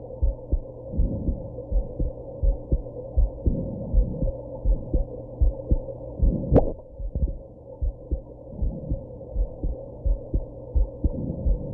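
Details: Steady heartbeat at about 80 a minute over a low hum after drinking some alcohol and smoking, with a sharp hiccup jolt partway through; heartbeat with hiccups.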